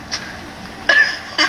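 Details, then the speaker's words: Two short sharp snorting bursts from a dog sneezing repeatedly, with the owner encouraging it: dog sneezes. "I know you got it he's trying to bite you I know you gotta sneeze I know you got it"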